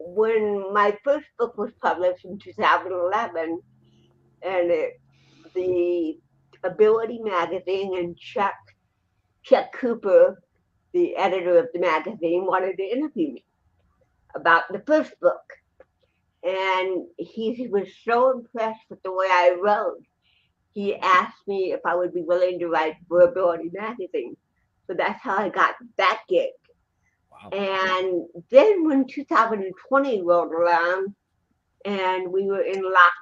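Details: Adult woman, an actress and comedian, with cerebral palsy since birth in 1956, plus 75% hearing loss and hearing aids, in real unscripted speech: dysarthria (cerebral palsy).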